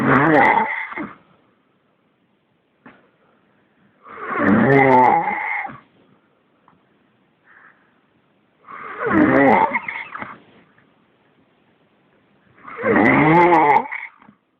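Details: Very loud snoring: four rough, rattling snores about every four seconds, roughly 14 breaths a minute, with quiet gaps between.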